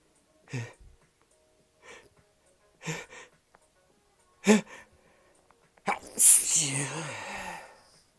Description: Just some sneezes for y’all no talking.